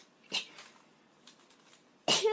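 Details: Young Japanese woman sneezing: two sharp, breathy sneezes with a faint intake of breath between them; an ordinary sneeze reflex.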